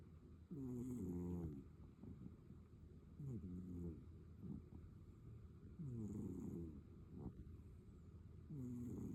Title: Cat snoring #catlover #catsleeping #cat